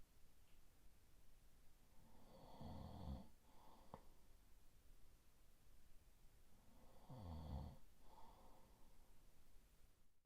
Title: 8 hours of boyfriend snoring (sleep all night) 💤 #shorts #fallasleep #boyfriend